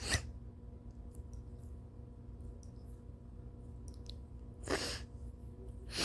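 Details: Late-morning sneezes, coughs and nose blows from a tired person: two short explosive sneeze bursts, one at the start and one near the end, over steady room hum; sneeze.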